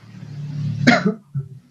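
A single short acted cough with throat clearing, over low engine-like background hum.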